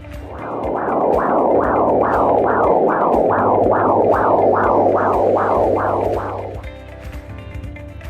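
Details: Fetal heartbeat heard on Doppler during an exam with Leopold's maneuvers and fundal height measurement: rhythmic whooshing pulses, about 13 in 6 seconds (near 130 a minute), much faster than an adult pulse.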